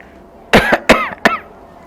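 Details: An adult demonstrates cough etiquette with three short, forceful voluntary coughs, head bowed and coughing into the raised left arm toward the armpit.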